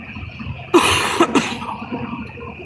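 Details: Dry cough recorded during a car drive, amid talk suggesting COVID illness.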